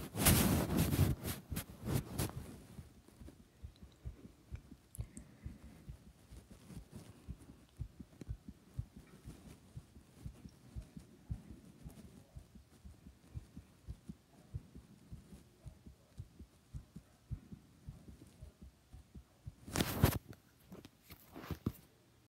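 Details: Quick, soft thumping rapid heartbeat recorded after jumping exercise, with loud rubbing noises at the start and near the end.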